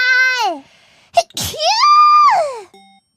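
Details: An adult gives a quick double sneeze, two sharp bursts close together, between tuneful voiced sounds and game music, thought to be a first double sneeze: sneeze.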